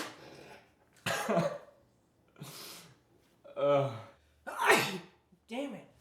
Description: The objective was to try your hardest to hold in a sneeze.